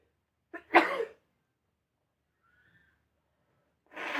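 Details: Streamer sneezing: a short intake then one sharp explosive sneeze, silence, then a brief blowing burst of nose blowing.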